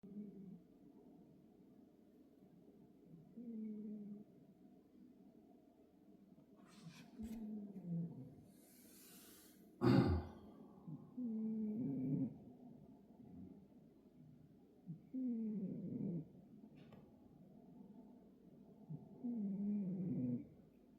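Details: Sleeping Maine Coon cat snoring with low, rumbling, fluttering snores about every four seconds, roughly 15 breaths a minute.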